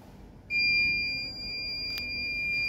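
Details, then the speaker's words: Abrupt continuous high-pitched alarm with a brief click from a newborn transport incubator switched on and running on battery in standby mode with no AC supply connected: an AC power failure alarm. "right why it gives one alarm AC power because we have not given AC Supply that's why it given AC power alarm"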